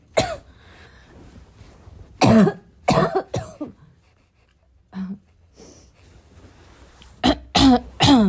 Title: my chest really needed a good coughing fit